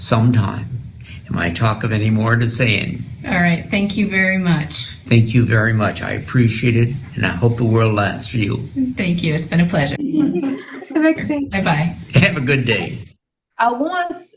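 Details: Adult male patient with Wernicke's (fluent) aphasia, with word substitutions (paraphasias).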